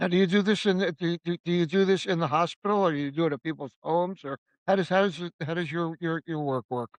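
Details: Male stroke survivor living with aphasia and navigating recovery after stroke; aphasia.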